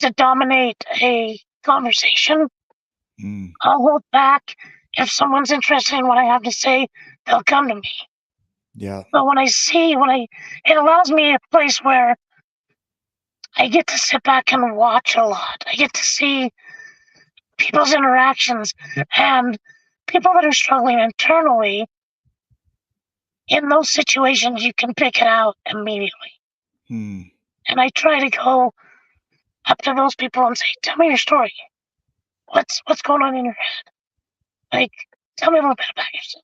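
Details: Adult man with vocal cord paralysis from a severe injury (lungs three-quarters full of blood); tracheostomy removed after 2 months; scope later still showed paralysed cords; over 25 years since onset.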